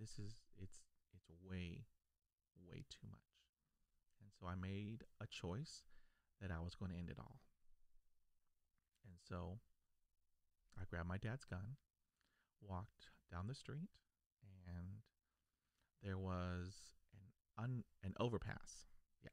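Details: Adult male who stutters, a lifelong stutterer since childhood; stuttering.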